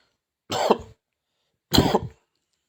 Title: batuk batuk